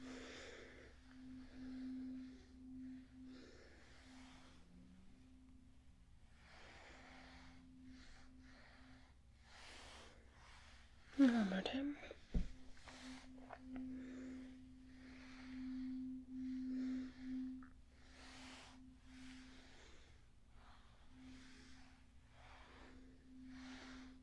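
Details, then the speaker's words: Simulated ASMR cranial nerve exam: 256 Hz tuning fork struck and moved around the ears for a hearing test, giving a low, steady hum that rings and fades repeatedly, with soft breathy noises. "So, I'm gonna get this and I'm going to make a sound all around your ears with this. It's a 256 Cork and you need to tell me if you can hear it and then when you can no longer hear it."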